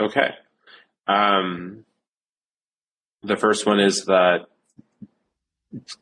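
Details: Adult male who stutters since age seven, severe, with blocks, repetitions and secondary facial behaviours; stuttering.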